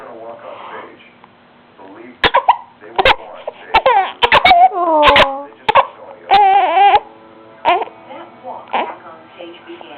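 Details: A young granddaughter's voice broken by about eight sudden sharp catches amid babble; hiccups, recorded March 2009.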